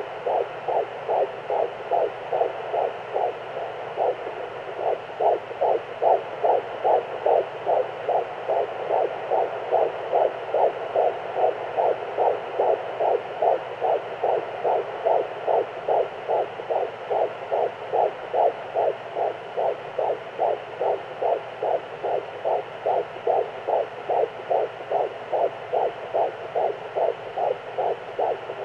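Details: Fetal heartbeat at 14 weeks of pregnancy: rapid, regular whooshing heartbeat at about 146 beats a minute, a normal rate.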